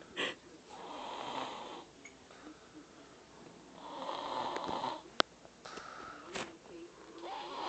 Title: 3yr old baby snoring